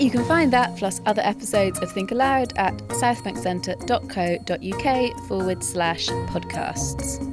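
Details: Adult presenter; normal adult speech.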